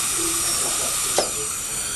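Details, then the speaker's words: Dental bur grinding out a metal post gives a loud hissing, sizzling noise with water spray and a brief sharp catch. This is early drilling in post-and-core removal from a bridge abutment tooth, stopped for a radiograph. "okay now we haven't been drilling all that long and already I'm going to stop"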